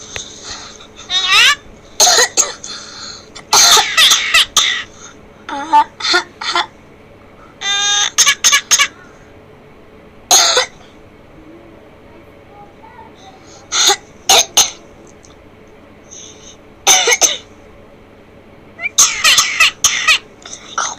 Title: BIRD COUGHING LIKE HUMAN,S#CUTE BIRD#COUGHING BIRD#SHORT VIDEOD#SHORT#VIRAL #TRENDING #SUBSCRIBE